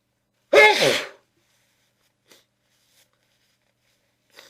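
One forceful, explosive sneeze followed by near silence with faint rustles.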